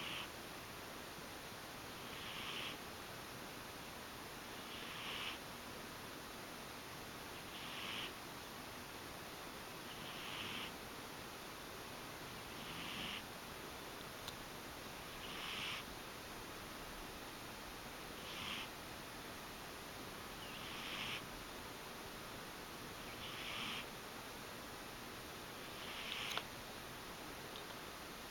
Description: my kitty was taking one of her usual naps, only this time she was snoring :) isn't she sweet?!